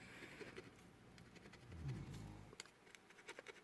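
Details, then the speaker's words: Pet snoring quietly while the owner paints: a soft, low rumbling breath that rises and fades once, with faint scratching and tapping noises around it; snoring. "charcoal snoring I hope y'all can hear it"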